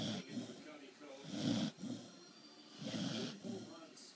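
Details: A corgi snoring in sleep: soft snuffling snores roughly every 1.5 seconds with faint background sound.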